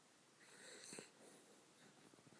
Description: dropping off to sleep and snoring xxx